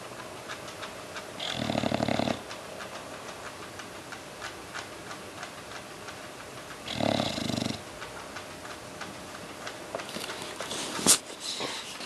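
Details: Dog snoring during sleep: two slow, rough snores about five seconds apart, each under a second, over low room noise.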